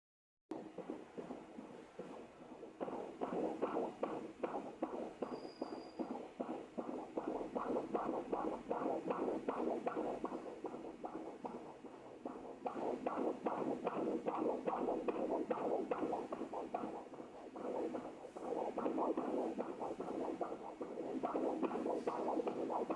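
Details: Rapid, regular whooshing fetal heart sounds on Doppler ultrasound, about 150 beats a minute, within the normal range.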